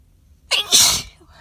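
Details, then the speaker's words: Sneezing fit recorded alone in a parked car: a short intake followed by one loud, explosive, hissing, wet sneeze burst. "and it is working whoa it's working these are super messy too um and i'm still working on letting the build ups be more vocal"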